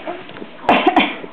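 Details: Adult coughs and a baby laughs in response: a single harsh adult cough burst in a quiet room, followed closely by the baby's short laughing bursts.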